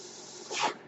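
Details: Speaker's own mechanical ventilator in use while he talks: a soft, steady hiss swelling into a brief airy whoosh of breath delivery, working normally; mechanical ventilator noise.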